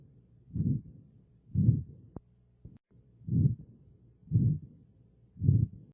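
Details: Heart sounds heard through a stethoscope in aortic regurgitation: low, muffled beats at about 60 a minute, each followed by a soft blowing aortic regurgitation murmur.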